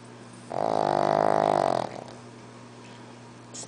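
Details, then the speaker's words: Sleeping pug dog snoring: one long, loud, buzzing snore lasting over a second, then quiet room noise. "He's still snoring."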